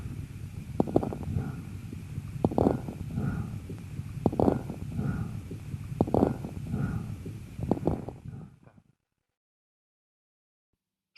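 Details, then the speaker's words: Stethoscope lung auscultation: crepitation, showers of fine crackles at the peak of each inspiration with rapid breathing. "давайте послушаем как звучит крепитация"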